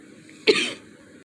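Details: Adult woman who has been sick: a single brief cough with sharp onset fading over about a third of a second.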